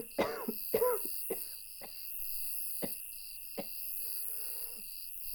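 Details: A run of about six loud, harsh barking coughs, the first two strongest, then quieter throat noise; an uncontrollable coughing fit at 2 a.m. in a motel room; cough.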